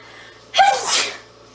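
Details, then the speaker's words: A single loud, explosive sneeze with a brief voiced onset and a hissing release. The person says they always sneeze when they bring the camera close. An ordinary sneeze from a compilation of sneezes. "oh no I always sneeze when I throw the camera close"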